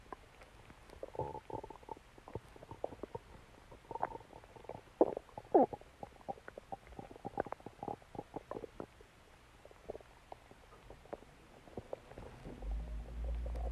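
Irregular gurgles, squeaks and rumbling bubbling sounds from the belly, soft and scattered over several seconds. Ordinary stomach growling.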